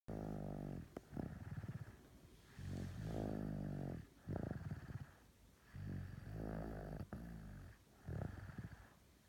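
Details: Heavy snoring: loud, deep, vibrating snores on both the in-breath and the out-breath, about 19 per minute.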